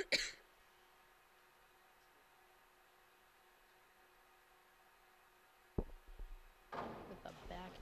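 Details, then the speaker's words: During a swimming meet commentary, an adult who says they are a little under the weather coughs: a sharp burst, a pause, then another cough and rougher throaty bursts over faint room hum. "coughing over here. Can you hear it? A little bit. Oh, sorry, everybody. I'm a little under the weather."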